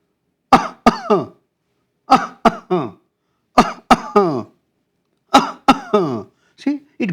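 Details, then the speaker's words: Imitated psychogenic (somatic disorder) cough in a child: four stereotyped bouts of two to three dry coughs separated by silence. It worsens with caregivers present and vanishes at night or without attention. "goes on uncontrolled, no relevance for it. There is no difficulties but child goes on coughing and it gets vanished when there's no attention seeking or when in the night time. So this is about psychoggenic cough."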